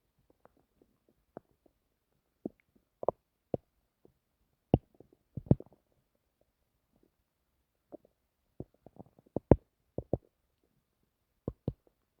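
Scattered short gurgles and pops in a quiet room, irregular and brief; ordinary bowel sounds from a stomach making noises.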